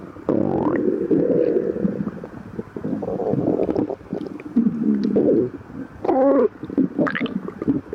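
Long, loud gurgling and rumbling bowel sounds, nearly continuous with rising squeaky growls: active stomach growling.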